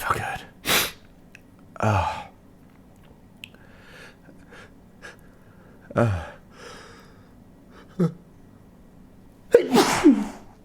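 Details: Deliberately induced sneezing by tickling the nostril with a stiff paper or cardboard tag: several sharp explosive sneezes, some preceded by a quick gasping intake, separated by quiet breathing.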